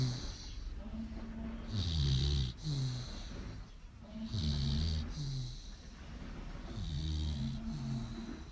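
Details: Loud snoring from a sleeping American Pitbull Terrier: slow, rumbling, fluttering snores about every three seconds with softer hissing breaths between.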